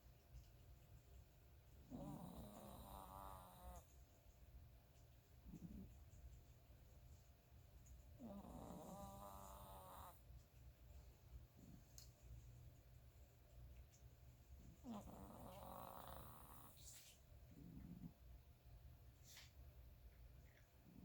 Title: Snoring chihuahua